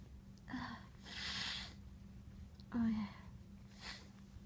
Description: These were making me squirm because they were so tickly!